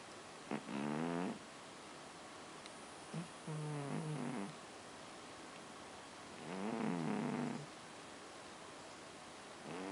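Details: Animal snoring in sleep: three soft, buzzy, voiced snores over about ten seconds, each roughly a second long, separated by quiet pauses.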